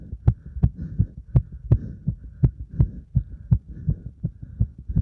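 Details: Heart sounds after burpees followed by deep squats to exhaustion: fast, strong, regular heartbeat with paired thumps, well over 100 beats a minute; rapid heartbeat after exercise.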